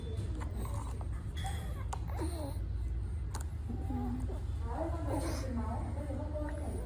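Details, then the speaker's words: Young child with laryngeal stridor, presented in a pediatric respiratory lecture on abnormal breath sounds: high-pitched, musical, wavering noises over a low steady rumble. "nên chúng tôi xin không được sâu lắm về phần thở dít thanh quản Đây là tiếng thở rít"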